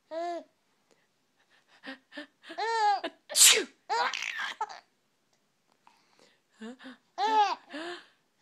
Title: Sneezes are funny